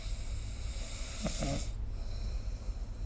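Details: Snoring recorded with SnoreLab app: one brief low, rumbling, snore-like noisy breath over heavy background hiss.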